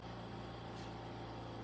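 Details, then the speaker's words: Steady low hum with faint hiss from husband's home oxygen concentrator running continuously in the living room, audible throughout the house. "My husband is on oxygen. So, his oxygen machine has to stay on and you can hear it all over the house. And we are in the living room where the oxy oxygen machine is at."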